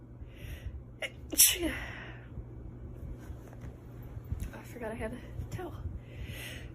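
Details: Woman stifling hard sneezes, with a short sharp suppressed sneeze burst and a quick breath in, while saying her makeup is running and she forgot tissues; a stifled sneeze.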